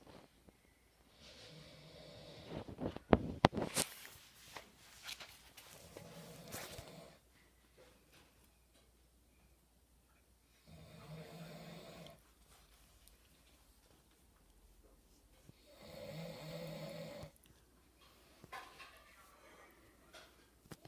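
Repeated low rasping breath sounds with quiet pauses between them, in a quiet room: snoring.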